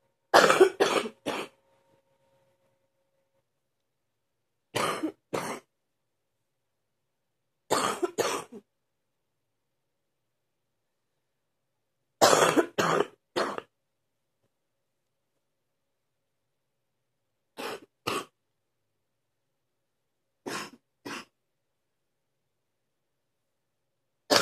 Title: # 84 Morning deep cough